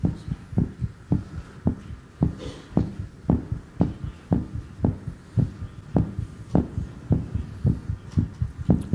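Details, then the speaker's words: Adult man voluntarily raising his heart rate, reaching 101 to 140 per minute: strong regular low heartbeats roughly 110–125 per minute; tachycardia. "101 really running very fast would be the normal thing to put this up"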